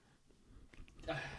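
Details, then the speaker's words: Adult with allergy-season symptoms, working between an office and a dusty warehouse: a faint quick breath in, then a sudden noisy burst of air, a single sneeze that is cut off. "That was me like sneezing and making a whole mess of myself."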